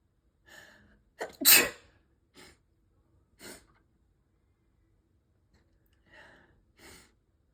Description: Another day another sneezing fit 😅